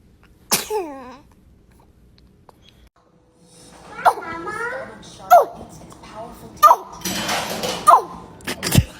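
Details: Baby sneezing: several small, sharp infant sneezes with voices and laughter in the background; ordinary sneezing.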